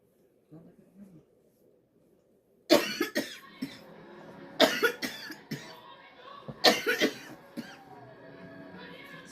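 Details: Acted coughing: three loud, forceful, harsh coughs, each with a short tail, over soft background music.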